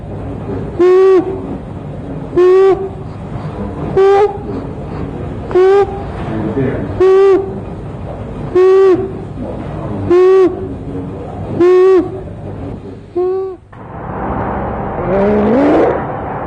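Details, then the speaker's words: Inspiratory stridor: a harsh, high-pitched crowing noise on each breath in, about 39 per minute. "stridor is a harsh noise made when the child is breathing in it sounds like this"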